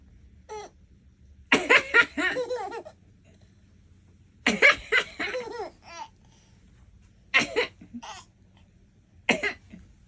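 About four short, sharp adult coughs, each followed by bursts of bright infant laughter; ordinary dry coughs without wheeze.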